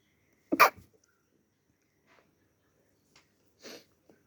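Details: One loud, sharp explosive sneeze, then a softer second sneeze a few seconds later.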